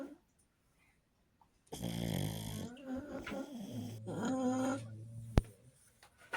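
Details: Sleeping pug snoring: loud snorting, rumbling snores, noisy on the in-breath, typical of a flat-faced breed.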